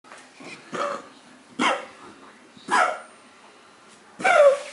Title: Puppy cocker spaniel,Ruby coughing